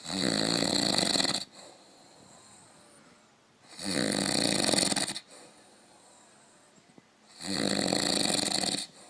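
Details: An old man snoring: three loud, rattling inspiratory snores, each over a second long, with quiet exhalations between, about 16 breaths a minute.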